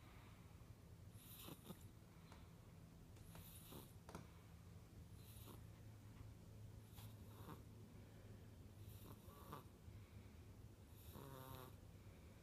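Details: Five-week-old infant snoring: soft snorts and noisy breaths about 30 per minute over a steady background hum.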